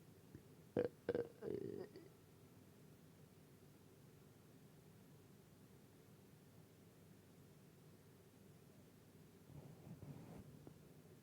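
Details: Stomach sounds and burps: three short, voiced belches in quick succession, then quiet and a faint low gurgle near the end.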